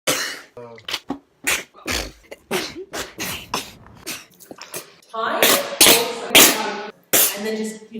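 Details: Compilation of a woman who has sneezed her whole life, with sneezes mistaken for laughing or coughing: a run of sharp, explosive sneezes, some with a drawn-in breath first, ending in several loud sneezes in quick succession.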